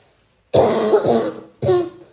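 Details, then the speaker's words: A harsh cough followed by a shorter second one, dry without clear rattle, in a patient at a second visit for acute fever with breathing difficulty, sore throat, headache and chest pain, persistent day and night. "सांस लेने में दिक्कत गला छील लिया और खांसी नहीं चाहिए अब पूरी रात और पूरे दिन ही अगर ऐसे खांसोगे तो कैसे चलेगा"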